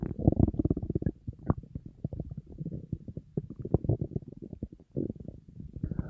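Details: Person on a diet, very hungry, with an empty stomach: continuous low gurgling and rumbling, typical hunger growling, a normal bowel sound (borborygmi).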